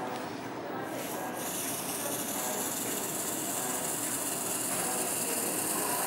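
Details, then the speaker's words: Steady hissing spray lasting several seconds of cold vapocoolant numbing the second side of the neck of a 17-year-old girl with suspected viral meningitis headache before bilateral cervical bupivacaine injections; cold spray application. "okay and then go ahead and spray the other side don't stick yourself with the needle"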